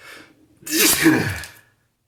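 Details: Person sneezy all morning, unsure whether from spring allergies or a cold: a short indrawn breath followed by one loud, explosive sneeze.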